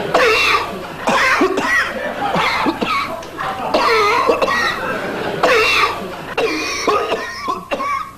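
Dense run of loud, harsh coughs with barely a pause between bursts, some with a rough throaty quality; a continuous coughing fit.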